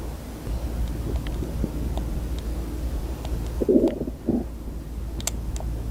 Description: i was trying to play video games but my stomach wouldn’t stop growling 🥲